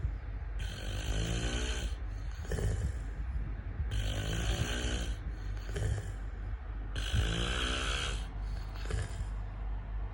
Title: Snoring man